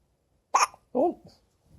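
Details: A 6-day-old newborn baby with hiccups: a sudden sharp catch of breath followed by a brief voiced squeak.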